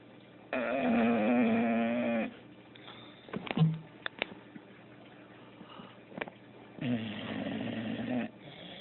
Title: my dog snoring while she sleeps